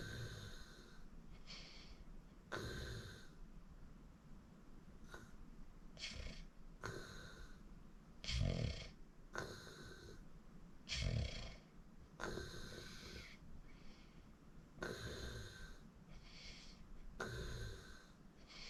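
Loud rattling snores with snorty breaths during sleep, recurring with each breath cycle.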